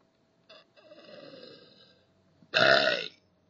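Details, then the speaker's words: Voluntary burping demonstration: a short belch, then a longer drawn-out one, then a loud forceful burp, done without drinking soda; burping. "Hey I wanted to show you guys how I burp so here we go yeah they're kind of small today but yeah that's how it sounds"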